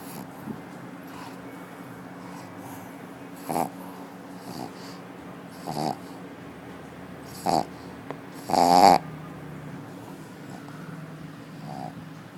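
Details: Pug dog snoring while resting at an office: short snorting snores every few seconds over steady room hum.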